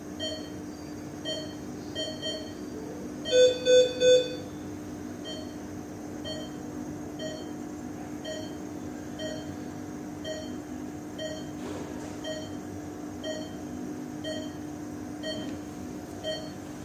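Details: Steady electronic beeps, about three a second, from an ICU patient monitor with a brief louder triple-tone alarm over constant hum, from a sound-effect recording: patient monitor beeping.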